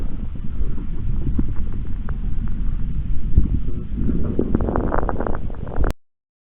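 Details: Respiratory sound quiz clip for an emergency medical technician training seminar: breath sounds over a low rumble, with brief fine crackling pops, thickest late in the breath; fine crackles.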